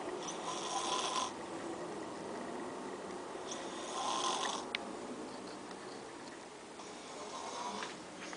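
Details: A person asleep in the afternoon the day after prom, snoring "like a bear": rough, fluttering snore on the in-breath, repeating with each breath over a quiet room hum; ordinary snoring.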